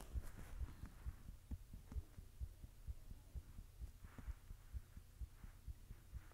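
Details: Person recording their own heartbeat while blushing: soft, regular, low thumps at about 130 a minute over a faint hum; a fast heartbeat, even in rhythm.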